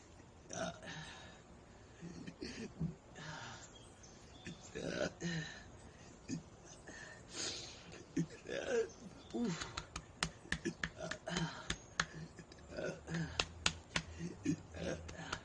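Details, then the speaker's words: Woman with hiccups struggling to burp, describing air bubbles caught in the chest: series of short, hiccup-like belches in quick bursts between quiet breaths. "Oh gosh. These air bubbles get caught in your chest."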